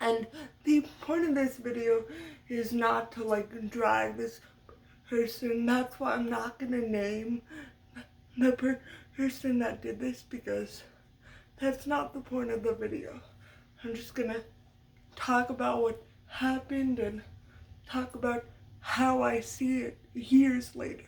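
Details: Adult woman with cerebral palsy who has stuttered all her life, including blocks with mouth held open while trying to get words out; uses techniques to minimize it but will always stutter; stuttering.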